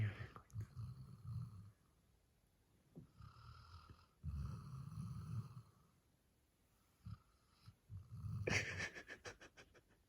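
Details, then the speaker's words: 8-month-old male black Labrador Retriever puppy sleeping in the middle of the bed: low rumbling snores in irregular bursts with quiet gaps, some snorting at the end; loud puppy snoring. "人間やで。人間だと思ってるわ、これ。絶対思ってるよ。ど真ん中にさ、俺寝るスペース。しかもさ、いびきが出るしな。"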